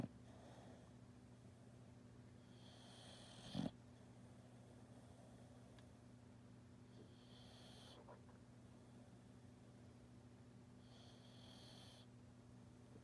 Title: The Tiger Dog Snores